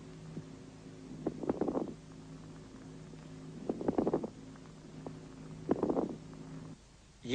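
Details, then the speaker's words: Moist rales (coarse crackles) auscultated with a stethoscope over the lungs: breath sounds with bursts of bubbling, crackling noise during each breath. "над легкими можно выслушать влажные хрипы"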